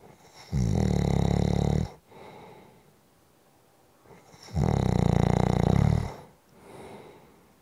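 Two loud, buzzing snores on breathing in, each over a second long, with quiet breaths out between; ordinary snoring.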